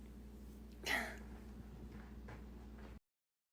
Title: Girl sneezing compilation